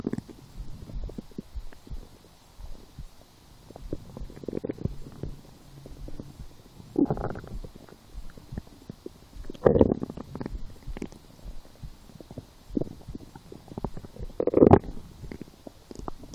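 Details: Hunger stomach growling while lying down, after skipping breakfast, a small lunch and two doughnuts four hours later: irregular gurgling and bubbling with a few louder growls.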